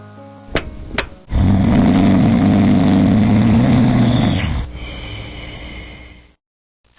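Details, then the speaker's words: Loud, sustained rattling, vibrating low snore lasting several seconds with music and room noise; snoring from partial airway blockage causing vibration of the soft palate and uvula. "occurs when the airway becomes partially blocked forcing the lungs to inhale harder to compensate for the lack of air entering the body the snoring sound results from the vibration of these two structures the soft pallet and the [Music] uula"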